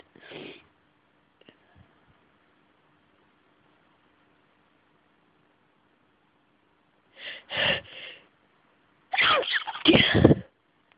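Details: Sneezing fit: several sharp sneezes in quick succession, with a long quiet pause between the first and the later burst.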